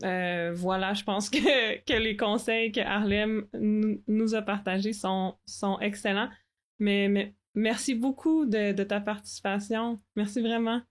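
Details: Adult woman who stutters, speaking French; word repetition heard; stuttering.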